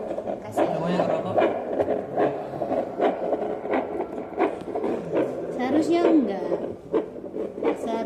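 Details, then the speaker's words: Fetal Doppler calibration check on an adult, not a pregnancy: regular whooshing pulses at about 74 a minute, a normal resting adult heart rate (expected 60–80, at most 90). "Oh, tuh kayak tadi Ros ada bayinya, ada jantungnya."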